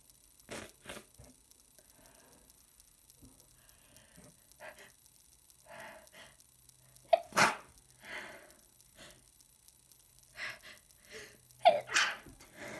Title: Super messy sick sneezes